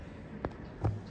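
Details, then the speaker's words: Abdominal percussion demonstration on a patient, lateral abdomen: two quick, hollow finger-percussion taps giving a tympanic note, with dullness expected lower down where ascites fluid settles. "lateral ya di sini dia akan timpani timpani timpani timpani sampai ke bawah sini dia akan Redu cairanya"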